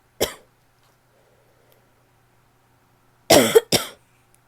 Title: barky coughing (f)